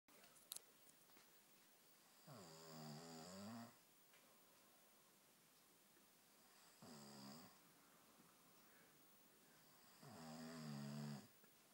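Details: Man snoring during sleep: three loud, rough snores on the in-breath with quiet pauses between them, in a small room; snoring.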